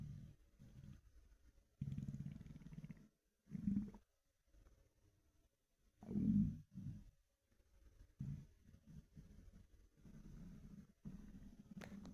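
Deep, drawn-out growling and gurgling rumbles with quiet gaps, an empty stomach rumbling.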